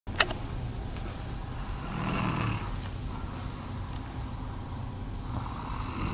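Low, rough rumbling breathing noise over steady background hum, consistent with snoring.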